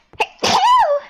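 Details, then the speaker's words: A single sharp sneeze: brief inward breath, then an explosive burst trailing into a voiced sound; sneeze. "Was that a sneeze? Come on, that was a sneeze. Yes."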